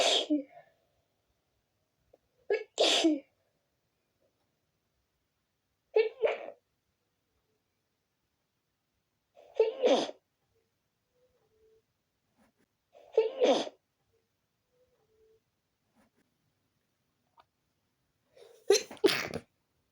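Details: Six sneezes spaced over about twenty seconds after sleeping with the window open and waking with a tickly nose; some loud and open, others deliberately stifled and muffled.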